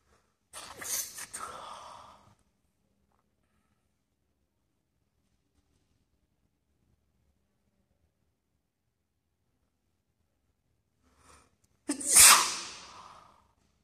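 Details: At school: two sharp, explosive sneezes about ten seconds apart, with quiet between them; sneezing.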